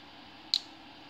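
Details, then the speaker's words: Ethicon GEN11 Harmonic ultrasonic shears demonstration: a single sharp, high click against quiet room hiss as the jaws clamp and activate; the device sounds and cuts automatically after a set time. "소리 나면서 시간 지나면 자동으로 잘리는 기능입니다"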